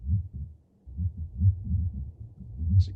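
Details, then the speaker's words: Heart murmur played on a canine auscultation training simulator through a stethoscope, used to teach telling continuous from diastolic murmurs: low, rapid heartbeat thumps with a rumbling whoosh filling the gaps. "Being able to hear that heart murmur as it's going and being able to figure out what the difference is between a continuous one, what the difference is between a diastolic one, and then let me push down."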